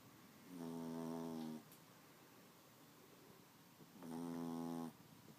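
Two long, buzzing, fluttering snores with a quiet pause between, over faint room hiss: a sleeping dog snoring.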